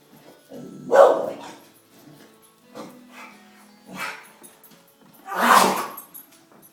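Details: A dog coughing: several harsh, forceful cough bursts separated by short pauses over faint background sound.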